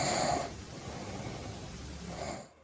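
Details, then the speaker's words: Regular snoring, described as not necessarily a problem if it stays like this, though persistent snoring can progress to sleep apnea: a rough, rattling inspiratory snore, quiet breath out, then another begins. "如果持续打鼾呢，它有可能在各种因素在发展呢，就容易发生为呼吸暂停。这个打呼噜声音如果一直是这样的话，并没有什么问题。"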